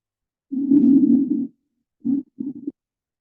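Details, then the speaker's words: EMR class demonstration of what should be heard by stethoscope over the second and third intercostal spaces of the anterior chest; loud, hollow breath sounds with a clear pause between phases, normal bronchial breath sounds. "if you've got your stethoscope and you're listening to your breath sounds this is what you should hear"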